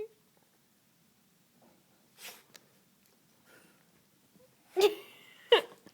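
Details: Sneezing from a family dog: soft snuffles, then two sharp, explosive sneezes close together.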